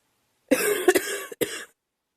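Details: A short run of three dry coughs from a girl.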